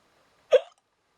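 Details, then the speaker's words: Person talking through repeated hiccups (several bouts that day): one short, sharp hiccup, a sudden gulping catch of breath, in a quiet room. "oh my goodness suppose I should just trying and talk through the hiccups so there might be the odd hiccup there but I should be"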